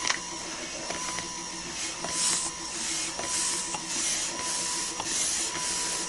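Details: Breast pump sound effect: rhythmic hissing suction cycles a little under one a second, each with a soft tone and click; an electric breast pump running.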